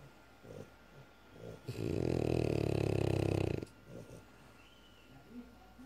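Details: Loud, buzzing, fluttering snore of about two seconds from a sleeping French Bulldog, with quieter snuffly breaths before and after; very loud snoring.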